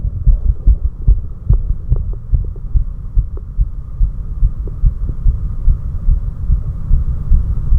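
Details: The recordist's own heart recorded right after 4 minutes of step-ups: fast, strong heartbeat at roughly 145 beats a minute, tachycardia after exercise.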